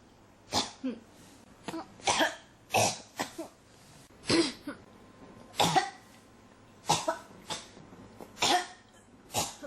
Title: 咳が止まらない 12 cough